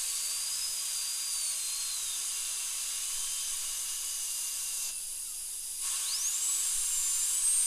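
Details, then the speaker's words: High-speed dental drill tracing out an old amalgam filling, about 2 mm deep, on tooth number two, an upper second molar, under a rubber dam in a numbed patient being prepared for a porcelain crown. Steady high whine with pitch shifts and a brief pause. "so now I'm going to go ahead and and just Trace literally just Trace out the amalgam and we know the depth of the spur is 2 mm for good size Alloy on a second Moler"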